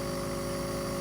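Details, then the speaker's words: Nebulizer compressor running during a 15–20 minute treatment for a ventilator-dependent daughter, with mist delivered through a T tube: a steady mechanical hum with a low, fast pulsing buzz. "I'm going to proceed to turn it on, and the mist, but I want to see if you can see the mist coming up. This mist goes into her lungs to make her feel better."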